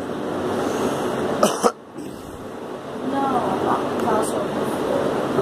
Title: Girl coughing